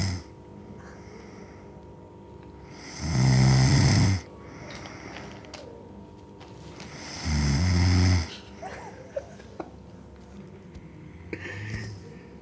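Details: Snoring: two loud, deep, rattling snores about four seconds apart, with quiet breathing between them and faint room noise.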